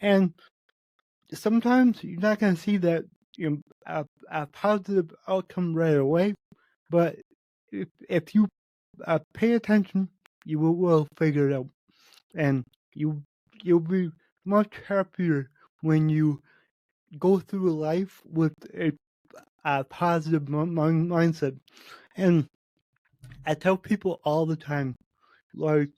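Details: Spontaneous speech from a male podcast host with cerebral palsy, which he says affects every muscle in his body; he reports his speech has improved since 8 months earlier as his health improved. Dysarthria (cerebral palsy).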